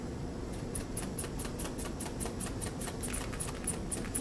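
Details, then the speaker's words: Blood pressure cuff being inflated by a hand bulb: quick, regular squeaky puffs, about five a second. "when I go to inflate the cuff to take her blood pressure I will go 30 above that so I'll inflate this cuff to 150"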